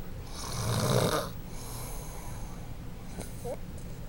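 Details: Person snoring, recorded by a friend: a low, rattling breath sound that builds and fades, then a softer hiss over room noise.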